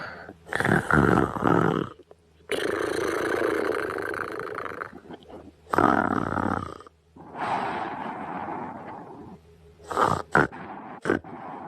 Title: BF yawns cutely then falls asleep and snores cutely on Christmas Eve at night (don't wake Bf at 3AM)